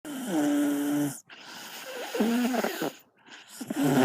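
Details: Child snoring at night during sleep: noisy breaths with a vibrating, tonal snore on each breath, including whistling and wheezy-sounding snores.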